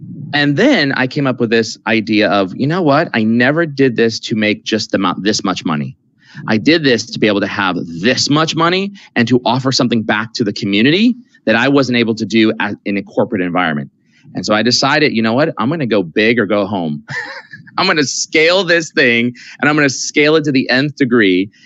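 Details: Adult man speaking; Normal fluent speech.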